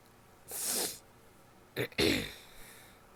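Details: Sneezing in a female: two wet, explosive sneezes, the second preceded by a sharp intake of breath; stifled sneezes and nose blowing also in recording.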